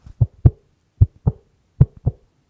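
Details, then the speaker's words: Simulated heartbeat made by folding thick fabric and snapping it taut: paired low thumps about every 0.8 seconds, thick napkin resembling a heartbeat heard through a cardiologist's stethoscope; heartbeat imitation. "Il faut simplement plier le tissu, et tirer d'un coup sec. - Plus le tissu est épais, plus le son est grave."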